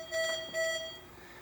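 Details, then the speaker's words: Two bright electronic alarm tones, then fading, from a Vapotherm high-flow oxygen machine during setup, signalling an issue with the oxygen line; high-flow oxygen device error alarm. "This is of course giving an error because we have the good luck of making a video. Um, but that error means that there's an issue with the oxygen line."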